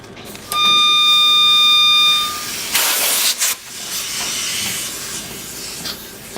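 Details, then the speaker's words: Setting up a humidified high-flow nasal cannula circuit for an infant in the NICU: a steady high tone, then a sharp hiss as air and oxygen wall lines connect, settling to a softer hiss; normal oxygen-air blender noise. "okay so our air and oxygen sources will be plugged in to the walls and we will be hearing a noise from the blender and as we plug in the oxygen in here"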